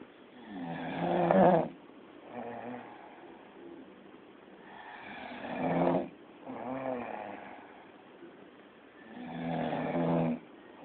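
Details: Man snoring: loud rattling snores with each breath, about 14 a minute, with quieter breathing between; ordinary snoring.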